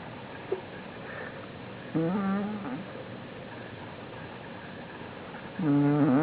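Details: Man passed out asleep on the floor: two separate buzzing, slightly tonal snores against quiet room noise; snoring.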